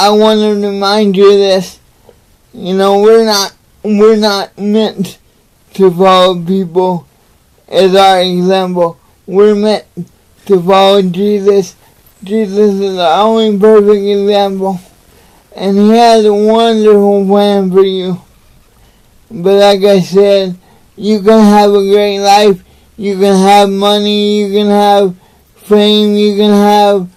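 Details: Adult man with cerebral palsy, real patient; dysarthria (cerebral palsy).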